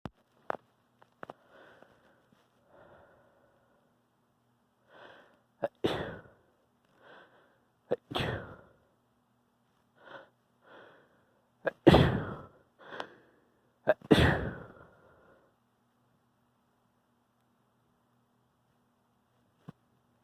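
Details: Variety of sneezes: a quiet sniff and soft breaths lead into several explosive sneezes of varying force, with brief inhaled build-ups between them.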